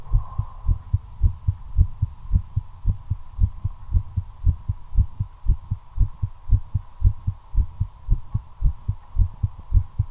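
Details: Quick, regular paired heart sounds near 110 beats per minute while the person smokes a cigarette, tachycardia attributed to nicotine, over a steady hum.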